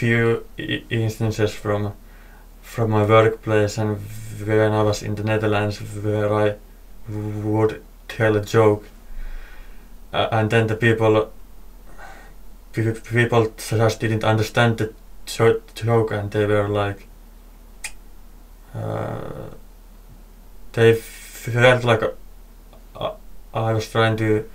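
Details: Adult male podcast host who stutters: stuttering.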